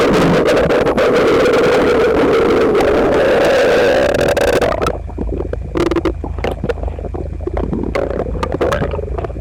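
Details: Loud, continuous gurgling and rumbling from a person's belly, recorded with phone pressed to stomach after breakfast of toast, eggs and milk; visibly uncomfortable: loud bowel sounds (borborygmi).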